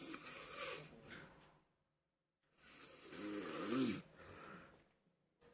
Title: Someone is snoring hard/ Funny video